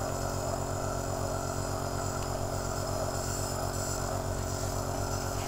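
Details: Omron C28 compressor nebulizer running for a child with a mask, inhaling medication for a respiratory illness.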